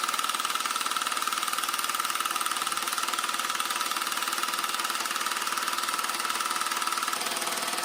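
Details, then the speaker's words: Handheld low-intensity shockwave device, sold for erectile performance, being self-applied by a user who reports no pain: rapid steady mechanical tapping, about three pulses a second, with a high buzz. It turns off when a section is done. "This is the button. That's the button, and remember, it'll turn off when you're done with that section."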